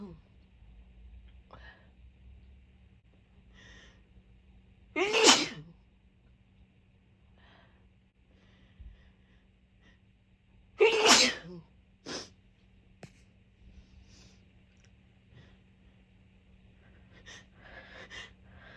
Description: These sneezes were so tickly; my eyes were watering by the end of the video.